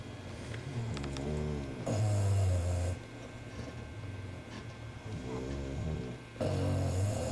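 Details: Two sleeping bulldogs snoring: loud, deep, rattling snores with wheezy, whistling tones on the in-breaths; heavy snoring.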